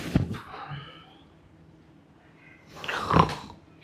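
Two loud, rough snorting snores with a low rumble, separated by a quiet pause; acted snoring.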